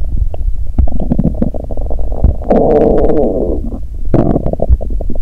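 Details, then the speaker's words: Woman on the first days of a 7-day fast, very hungry, with loud stomach rumbling over construction noise: bowel sounds (borborygmi). ""ดูเหมือนท้องของฉันจะประสานกับเสียงการก่อสร้างที่ดังกระหึ่ม""ดู!"."เอ๊ะ!ฉันได้ยินเสียงก่อสร้างดังมาจากท้องของฉัน!""ท้องของฉันเลียนเสียงการก่อสร้างหรือเปล่า""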